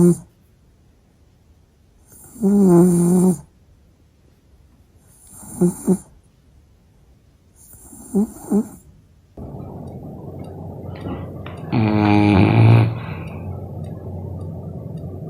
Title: Dogs' sleep, dreams, and snores are as invincible as a superhero's shield!